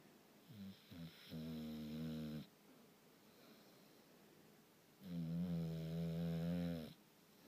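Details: Bulldog snoring during sleep: loud, deep, buzzing snores with quieter breaths between, typical of a flat-faced dog; owner notes this isn't the worst he's done.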